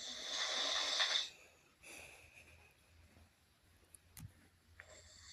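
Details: Man sleeping, snoring: one loud, hissing, rattling snore, then quiet breathing and faint room noise.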